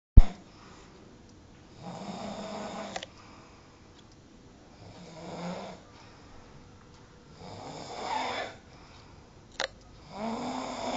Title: Authentic Indian Snoring - Parenteral Guidance Adviced